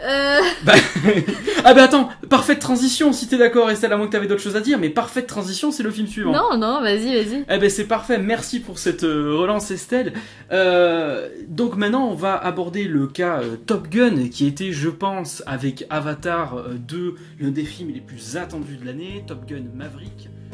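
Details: Adult male speaker in casual conversation; typical speech.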